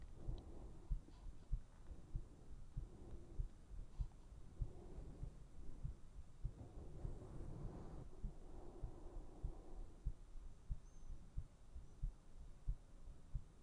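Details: Steady, muffled low heartbeat thumps at about 97 beats a minute over a soft low rumble, recorded for ASMR; normal heartbeat.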